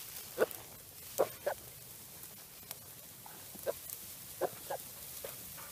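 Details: Katahdin ewe lamb, new to the farm 2½ weeks ago, in a coughing fit of about one minute: repeated short, harsh coughs. Necropsy of a coughing flockmate showed lung consolidation from mycoplasma pneumonia.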